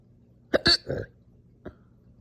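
Abrupt, forceful hiccup-burp sounds in a quick cluster, then one softer hiccup; involuntary hiccups mixed with belching.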